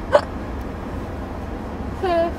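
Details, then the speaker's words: A patient in a car just after wisdom teeth removal (five teeth) under IV sedation. Two sharp, involuntary voiced gulps about two seconds apart over steady car noise: hiccups. "yeah do you have the hiccups where are you now in the car"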